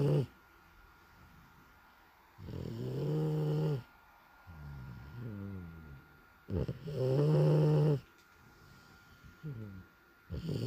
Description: Atom bomb the bull dog snoring away